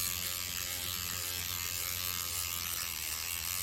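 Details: Steady high-pitched buzzing of a motorized microneedling pen running continuously over a woman's cheek during a professional treatment after lidocaine removal, needle depth adjusted by area; microneedling pen in operation.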